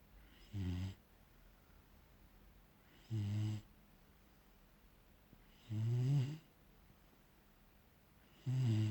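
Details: Labrador–German Shepherd mix puppy asleep; snoring.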